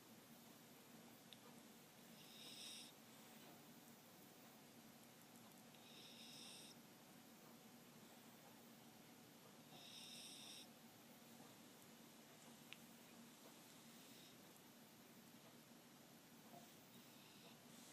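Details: Soft, faint, light snores about every four seconds, roughly 15 a minute, under a steady background hiss, recorded at night; snoring.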